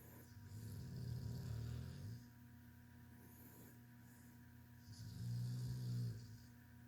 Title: Tank snoring.